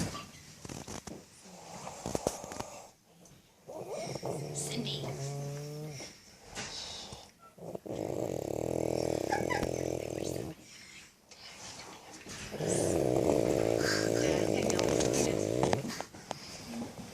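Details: Adult woman (an aunt) snoring: loud, rattling, buzzing breaths of about three seconds each, with brief pauses between them; heavy snoring.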